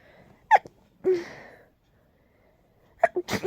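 Two short, sharp sneeze bursts a few seconds apart in a quiet room, the first followed by a brief airy trail.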